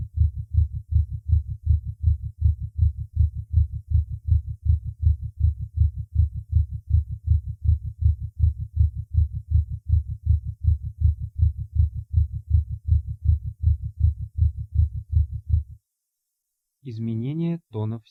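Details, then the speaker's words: Patient with ischemic heart disease during a paroxysm of supraventricular tachycardia: very fast regular heartbeat around 160/min. "пароксизмальная тахикардия аускультативно проявляется большой частотой сердечных сокращений обычно более 150 ударов в минуту при сохранении правильного ритма"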